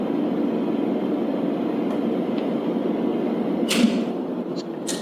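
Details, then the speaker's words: Steady, soft motor hum with a few brief clicks and hisses: a small single-chair oil-free dental compressor (Mini Box) running, said to be about as loud as a refrigerator. "Questo per esempio è uno dei nostri modelli di partenza, il piccolo, un compressore monoriunito, il mini box, che è un compressore che ha sostanzialmente la rumorosità di un frigorifero. Questo è il rumore del compressore in opera."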